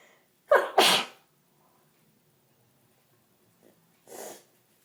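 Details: Person with bad hay fever: two sharp, explosive sneezes in quick succession, then a sniff and a softer exhale; hay fever sneezing.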